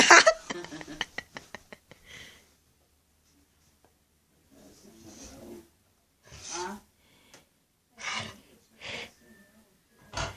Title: Funny dog-sneezing